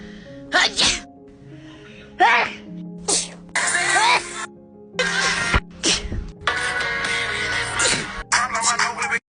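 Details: Several abrupt sneeze bursts over steady background music that partly masks them; labelled as Covid sneezes, unconfirmed.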